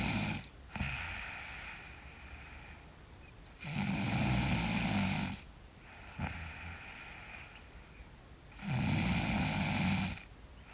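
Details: Sleeping girl snoring loudly: rattling snores on each in-breath, about 12 breaths a minute, with quieter out-breaths between.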